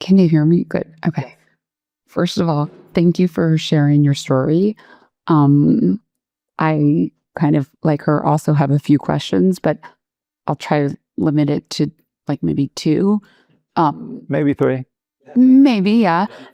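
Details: Adult speaker, conversational question; ordinary fluent speech.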